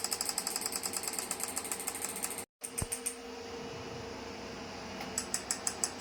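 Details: Physiwave MT685 dual-handle 6T magnetic stimulation physiotherapy device for pain relief, in operation: rapid, regular mechanical clicking pulses that briefly stop and then resume.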